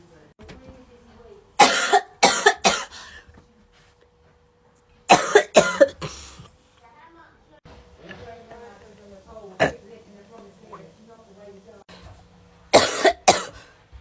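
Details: Girl having a coughing fit while doing her makeup: repeated harsh, explosive barking coughs in clusters, about nine in all, with quiet voice sounds between; she says it has never happened before.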